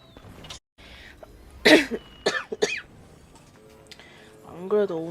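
A woman gives about three short, harsh coughs, then a brief voiced sound, over faint background noise.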